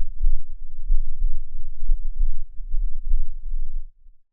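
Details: Heart sounds recorded with a binaural microphone: steady, regular low heart thumps at roughly 60–65 beats a minute over a muffled low rumble; normal heart sounds.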